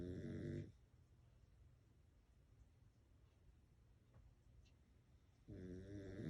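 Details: Two loud rattling snores from a sleeping Pekingese dog, separated by a quiet stretch of soft breathing; snoring.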